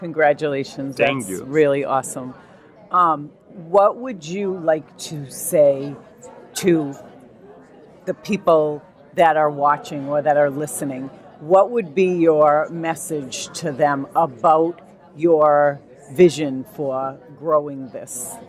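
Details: Adult speaker; normal speech.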